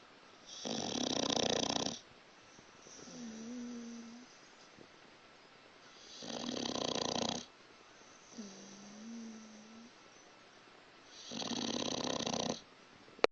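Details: Dog snoring loudly in sleep: loud rasping snores on each breath in, about three in thirteen seconds, with soft whistling on breathing out.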